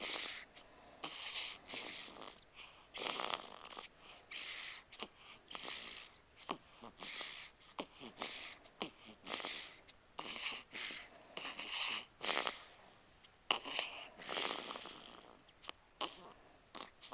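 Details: 8-day-old baby boy snoring while asleep: quick, soft snuffly breaths, each with a faint hissing snore or snort.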